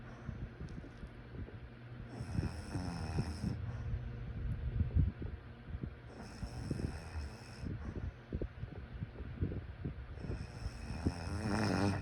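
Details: Snoring during sleep: low, rattling snores rising and falling with each breath, over steady room noise.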